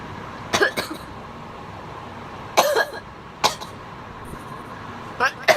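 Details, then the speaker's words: Woman coughing: about six short, harsh coughs in irregular clusters right after a big bong hit of cannabis, over quiet background noise; cough after smoking cannabis. "Woo! I'm just coughing from that bong hit. I'm gonna get so high and cough so much after I take a dab."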